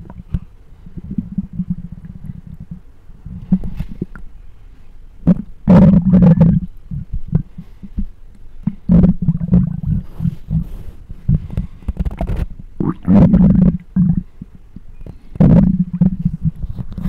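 Loud, low gurgling and rumbling bursts with bubbling pops, recorded close on the belly; ordinary stomach growling.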